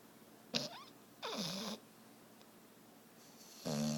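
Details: A sleeping pet gives short squeaky, whistling snorts and a rough snore, irregularly spaced. Snoring.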